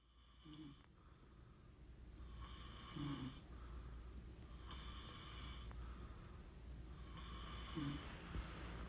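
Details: Sleeper: regular breaths about every two seconds with short low snorting snores at three points over a steady low hum; snoring.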